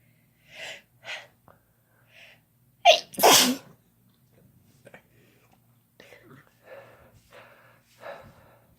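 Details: One loud, explosive sneeze preceded by short breathy sounds and followed by softer breaths and murmurs; sneeze deliberately provoked by sneeze-inducing powder (chhinkni) in a couple's sneezing recording.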